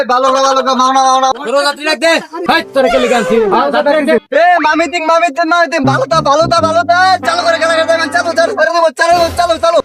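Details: Acted stuttering in a Bengali comedy skit portraying an auto-rickshaw helper calling for passengers; stuttering (acted).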